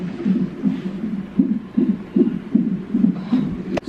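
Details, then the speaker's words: Fetal heartbeat from the monitor during labour of a first daughter, the mother 3 cm dilated with contractions every four minutes and later found to have preeclampsia: fast, soft whooshing pulses about 150 a minute. "I think this is what monitors the baby's heart beat"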